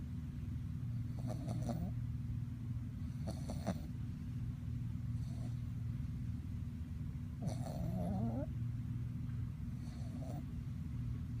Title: Victorian Bulldog Puppy Snores - So Adorable!!